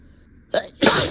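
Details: Adult in a staged comedy sketch about denying a cat allergy; a quick in-breath then one sharp, explosive sneeze, induced rather than natural: sneeze.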